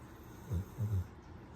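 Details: Cane Corso puppy snoring while asleep with its eyes open: two low, rumbling snorts on breathing in.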